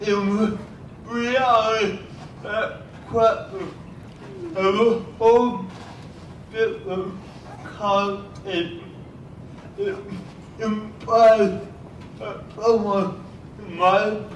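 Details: Adult man with cerebral palsy speaking at a cerebral palsy event, speech largely unintelligible to automatic transcription; dysarthria (cerebral palsy).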